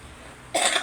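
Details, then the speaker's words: Person describes their own cough as severe; a single harsh cough burst follows a brief quiet lead-in. "Grabe yung ubo ko."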